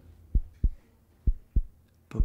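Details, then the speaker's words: Normal heart sounds heard as a presenter in a children's documentary listens to his own heart through a stethoscope: crisp paired lub-dub at about 65 per minute, no extra sounds, a rustle at the end. "jetzt zeigt mit tarek wie ich mein herz sogar hören kann das geht mit dem teil hier einem stethoskop"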